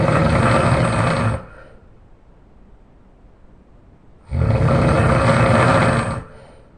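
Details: Man snoring very loudly again in his sleep: very loud, deep, rough snores on breathing in, with quieter breathing between them; heavy snoring.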